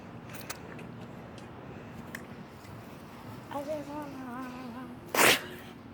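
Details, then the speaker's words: Staged sneeze in a prank, faked by spraying drunk water at another person: a single sharp, explosive sneeze after a brief voiced sound, with quiet room noise. "What was that? I'm sorry. I had to sneeze, like literally. You just sneezed out."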